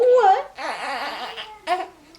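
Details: Newborn third son, born at home, breastfed and co-sleeping: brief, wavering fuss cry in short bursts; ordinary crying.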